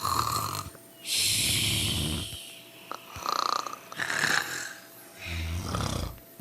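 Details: Three sleepers snoring together: loud, rasping snores with noisy breaths in and out, overlapping from more than one sleeper; ordinary snoring.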